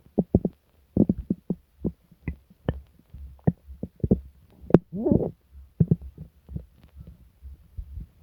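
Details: Frequent loud gurgles, pops, deep growls and a longer squeaky rumble: very active borborygmi in a person sick for several days with stomach pain, diarrhea and nausea.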